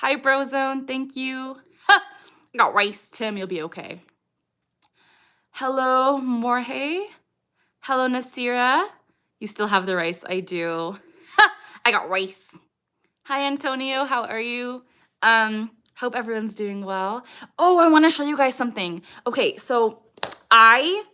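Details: Female with moderate Tourette syndrome, diagnosed at age 12, with motor tics and mostly echolalic vocal tics of repeated heard phrases; vocal tics (Tourette syndrome).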